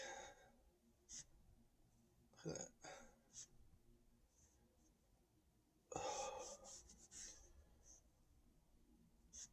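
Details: Hiccups and burping while standing after drinking a lot of Sprite, with brief sharp throat sounds and breathy bursts in a quiet room; the person reports feeling very full and tight.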